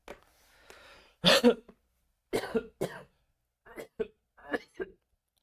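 A run of harsh coughs and throat clearing from an adult man, bringing up phlegm: a productive cough.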